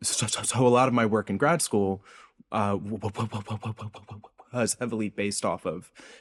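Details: Adult male postdoctoral researcher who self-reports a speech impediment heard throughout his interview; this stretch has word repetitions; stuttering (disfluent speech).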